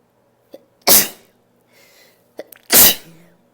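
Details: Two loud, unstifled sneezes, each a short in-breath followed by an explosive burst; ordinary sneezing.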